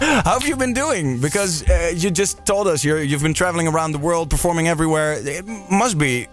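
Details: Adult man speaking, radio interview; ordinary speech.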